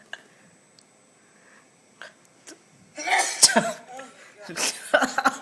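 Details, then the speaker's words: Accidental sneeze while recording, followed by uncontrollable laughter: a few faint clicks, then a loud burst of sneezing mixed with stifled laughter and noisy breaths. "there's this part where I sneezed and it was by accident and I said Shane Dawson oh my God I can't contain myself from laughing"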